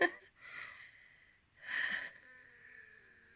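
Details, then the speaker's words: Mild wheezing late at night during a FasterEFT tapping session: two audible breaths with faint, thin whistling tones that linger; the person says they are better than when they started. "And yeah, it's just, if it's going to be more aligned with what you're actually going through, I just think it's going to work a bit better. So I'm wheezing."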